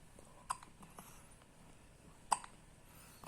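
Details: An infant with hiccups: two soft, abrupt catching sounds in a quiet room.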